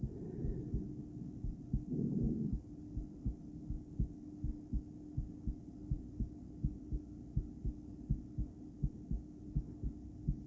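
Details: Adult female's own heart via stethoscope during breathplay (breath-holding): beats at about 80 a minute, unevenly spaced and pairing at times, over steady hum and breath noise; intermittent bigeminal rhythm, poor stethoscope placement.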